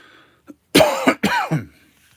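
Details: Adult cough from a speaker who says he feels lethargic, low on energy and unwell. Persistent post-viral cough.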